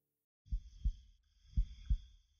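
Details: Heartbeat sound used in piano sleep music: paired low lub-dub thumps repeating about once a second, steady heartbeat with a faint high tone behind.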